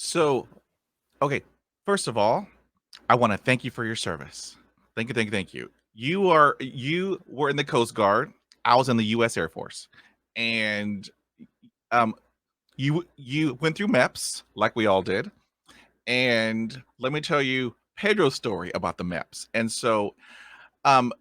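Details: Adult male who stutters, with self-described blocks and repetitions; stuttering.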